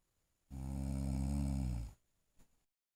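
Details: Person sleeping and snoring: one long, low, rattling inhaled snore lasting about a second and a half, followed by quiet.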